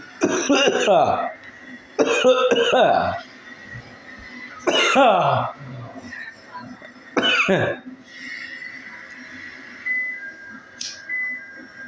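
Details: Four forceful, harsh cough bursts at short intervals over about ten seconds, with faint room noise between; repeated hard coughing.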